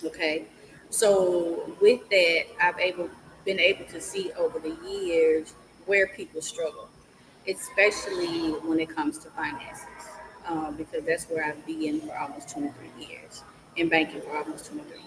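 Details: Adult woman speaking; normal voice.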